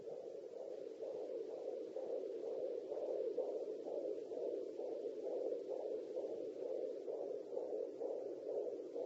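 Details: Fetal heartbeat heard by an expectant mother in her third pregnancy on a handheld 3 MHz pocket fetal Doppler: rapid, rhythmic whooshing pulses at about 125 beats per minute, a normal fetal heartbeat.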